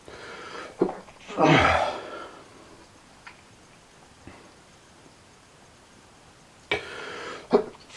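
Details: Person with allergies sneezing excessively, feeling sick: a sharp explosive sneeze, then quieter breaths and a second burst in a small room; sneezing.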